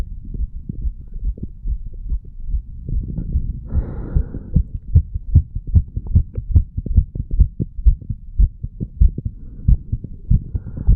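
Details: 35-year-old male, self-recorded at the mitral and tricuspid valve areas after pull-ups and breath holds: fast, strong, regular heartbeat of about 150 a minute with a brief breath noise; normal heart sounds after exercise.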